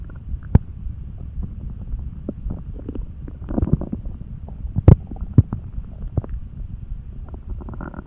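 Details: Lying on bed, tired and dozing, hungry after lunch: low continuous calm churning with occasional gurgles and pops; normal hunger stomach rumbling.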